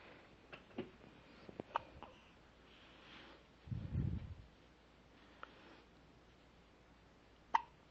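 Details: One-week-old newborn baby with hiccups: a few brief, sharp catches at irregular intervals and one low rustle in a quiet room.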